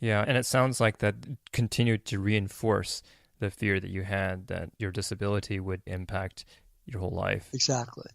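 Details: Adult male speaker, podcast conversation; normal speech.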